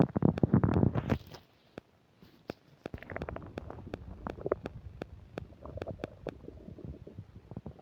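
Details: While eating a burger and fish fries with self-described upset digestion, close new microphone picks up a loud gurgling rumble, then a run of quick pops and squelches; active bowel sounds (borborygmi).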